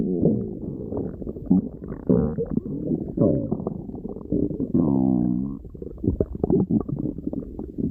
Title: loud stomach growling Tiger